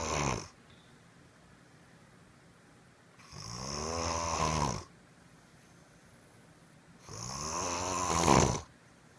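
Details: Person snoring: loud rattling snores on breathing in, about 16 breaths a minute, with quiet pauses between; ordinary snoring.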